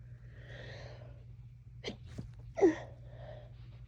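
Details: Soft breathing, then a quick sharp intake and a single congested, snuffly sneeze from someone with a cold who is very congested; itchy, snotty cold sneezes.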